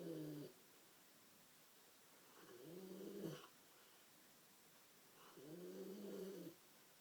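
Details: Sleeping female: soft, slightly tonal snores about every three seconds, roughly 20 breaths a minute, with quiet pauses between; snoring.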